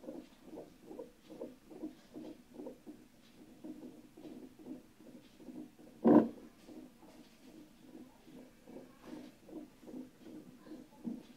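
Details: First fetal heart tones of the baby on Doppler: fast, regular galloping whooshes at roughly 140 to 150 per minute, with one loud knock.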